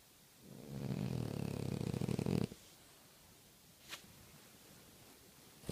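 One loud, low, fluttering snore lasting about two seconds, then quiet room noise: snoring in a flat-faced dog.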